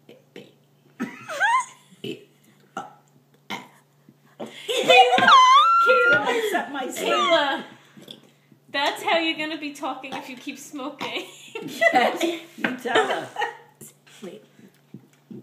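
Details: Long, loud, deliberately drawn-out voiced belches with laughter between them; intentional burping.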